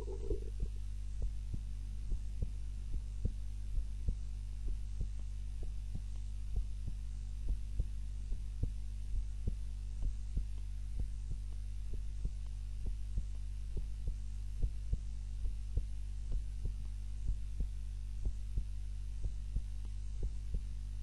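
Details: Steady soft heartbeat, about 90 per minute, under a constant low hum: normal heart sounds, self-recorded on a timer during a nap while lying on the back (supine) instead of the usual prone position.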